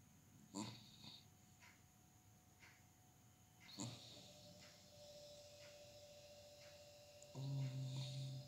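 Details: Sleeping dog snoring: irregular low snoring noises with a few sharper snorts and a louder rumble at the end.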